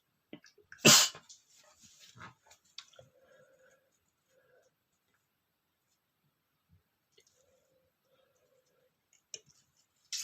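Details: Adult male sneezing: one sharp, loud sneeze followed by quieter breathy sounds and a brief stifled burst near the end.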